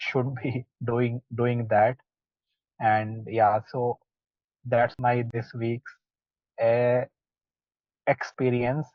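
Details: Participant in an online stammering practice group working on pullout and cancellation techniques, speaking with audible sound and word repetitions; stuttering.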